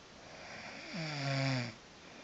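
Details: Snoring in a sleeping woman that keeps someone else awake: a single low, rattling, drawn-out snore lasting under a second, against steady room hiss.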